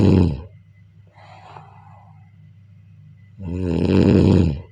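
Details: A soft breath, then one loud, long, buzzing snore on the in-breath in a quiet room; typical snoring during sleep.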